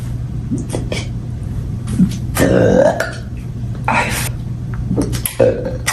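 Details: Burp compilation: several loud, drawn-out burps with a gurgling, voiced quality over a steady background hum.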